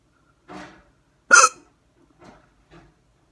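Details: Hard hiccups, camera focused on the neck; sharp abrupt catches of breath, one especially loud, with softer voiced hitches after: hiccups.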